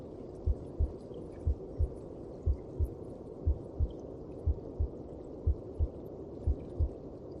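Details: Heartbeat heard inside the mother's belly (womb): muffled, regular paired thumps at about 60 beats a minute over a low rushing whoosh.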